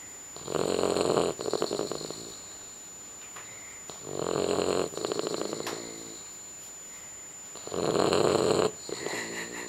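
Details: Person snoring: loud, rattling snores about every four seconds, each a long vibrating breath followed by a fluttering exhale, with a faint steady tone underneath.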